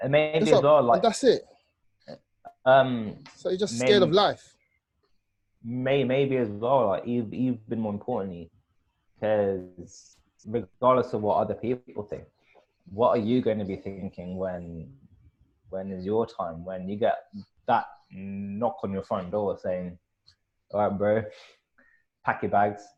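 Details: Adult male speaker; stuttering.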